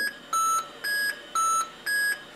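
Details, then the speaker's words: Siemens Servo 300 ventilator control panel demonstration: alarm with red flashing indicator, repeating high beeps alternating between two pitches about two per second, tone increasing as the problem persists, e.g. low minute volume; ventilator alarm. "so if I have enlarged you'll notice what's happening alarmed and they did once the red flashing is corrected let this happen again goes to red indicates the problem and you get a different increasing sound tone as the problem gets longer and worse"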